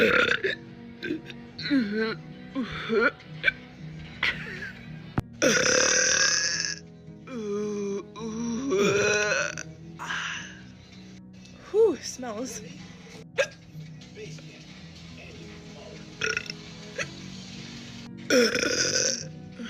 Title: Hiccup burps